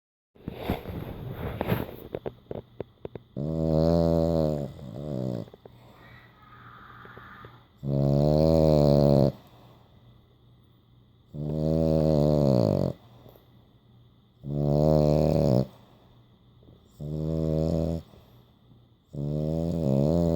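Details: French Bulldog snoring while asleep with eyes open and tongue out: loud, rattling snores repeating in regular breath cycles.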